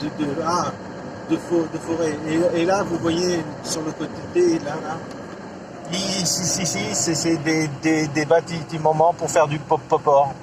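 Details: Adult man who stutters, speaking French; he says his stuttering worsens when recalling a stressful workplace period around 2004. Stuttering.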